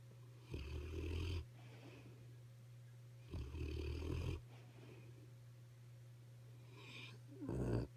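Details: Deep, rattling snores about every three seconds, roughly 20 breaths a minute, over a steady low room hum; snoring during sleep.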